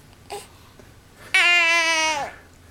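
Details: Infant boy, about autumn 2011, during tummy time on a Boppy and supported standing, getting frustrated: a brief fussy sound then one sustained, clear wailing cry lasting about a second.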